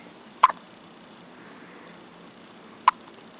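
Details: Hiccups: two brief, sharp, click-like hiccups about two and a half seconds apart in a quiet room.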